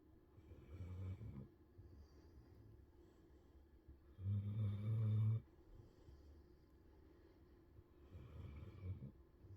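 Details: Ordinary sleep snoring: low rumbling snores with breaths in between, one louder and longer than the rest.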